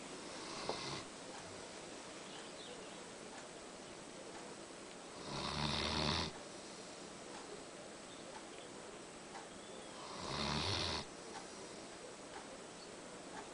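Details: Two loud, rough snores about five seconds apart, about 12 breaths a minute, from an epileptic who rarely slept well; a quiet room.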